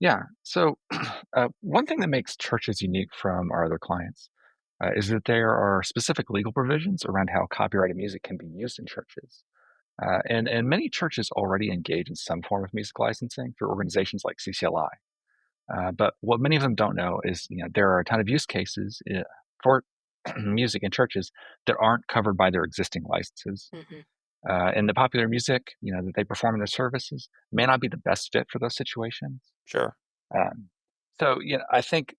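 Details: Adult man speaking; normal voice.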